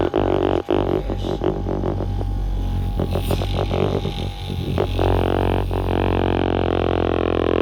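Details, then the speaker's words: Sunset SU100DC portable suction machine used by a person with a tracheostomy, running with the tip restricted so the gauge rises and suction strengthens: loud steady low droning pump hum, a man talking over it at first. "en I restrict the end here, it will make the gauge up and you'll hear the machine suctioning harder."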